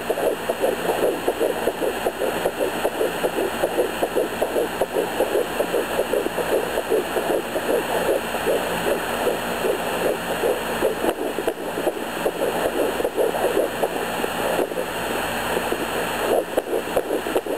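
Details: Home fetal Doppler at 11 weeks of pregnancy, possible twins queried after two distinct heartbeats heard (about 162 and 150 bpm), one further back, one closer: rapid, regular whooshing pulses at about 150–160 a minute.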